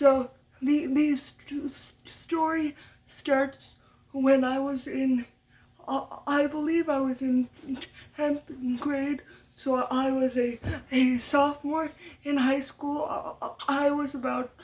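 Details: Adult woman with lifelong stuttering from muscle tightness due to cerebral palsy after brain damage as a baby; had speech therapy from a young age through high school and uses techniques to minimize it; stuttering.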